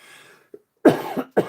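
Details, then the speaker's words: Adult man gives two short, loud coughs in quick succession near a microphone in a quiet room: ordinary isolated cough. "I got to watch coughing over that mic because it picks up everything."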